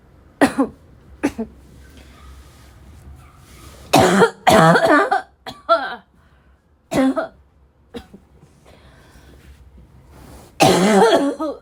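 Around nine harsh cough bursts in irregular clusters, some loud and rough with throat-clearing sounds between them, fitting a barking cough fit.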